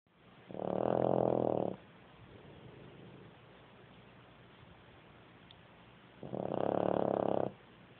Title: Super rattle snore